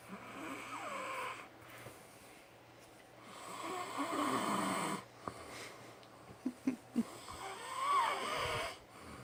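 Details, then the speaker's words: Adult man (husband) asleep: loud, rough snoring on slow breaths about every three seconds, with brief snorts and clicks between them in a quiet room. "My husband's snoring for you."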